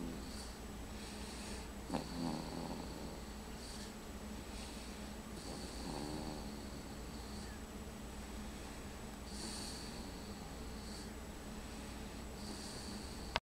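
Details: Snoring in a three-month-and-one-week-old baby: soft, rhythmic snoring breaths with a faint nasal snort, repeating through a steady room hum.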